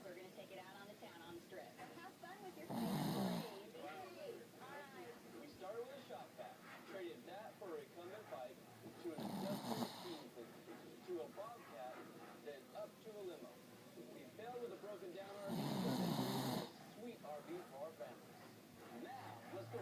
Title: snoring lol